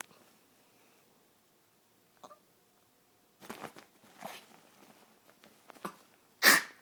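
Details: Small Yorkshire terrier sneezing when overexcited (also coughs when excited): a few short nasal snorts and puffs, then one sharp burst at the end; sneezing.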